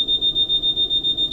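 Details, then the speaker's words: Steady high-pitched electronic alarm tone pulsing rapidly: a ventilator alarm sounding during the device check of quality control after resetting a ventilator in adult mode, confirming the alarm works. "Alarm's working good. Yes, our circuit is corrected perfectly."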